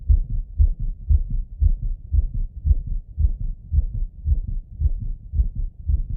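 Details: Male's own heartbeat auscultated with a stethoscope after a workout set: fast, regular heartbeat, about 110 beats a minute, with clear lub-dub pairs; rapid heartbeat after exercise.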